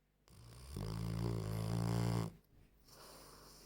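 A single loud, deep, rumbling snore lasting about a second and a half, with quieter breathing on either side.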